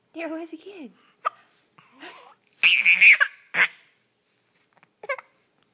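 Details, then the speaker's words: Infant boy's hiccups: short, sharp hiccup sounds recurring between soft vocal noises. "Do you have the hiccups? Those are the silliest hiccups."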